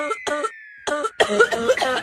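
Several short, strongly voiced, throaty cough bursts from an adult acting a coughing fit, with a faint sliding whistle tone behind.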